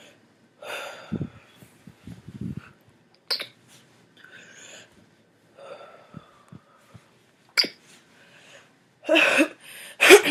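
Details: A person with Tourette syndrome talking about family reactions, speech interrupted by sudden short noises, sharp clicks, snorts and sneeze-like bursts; vocal tics of Tourette syndrome.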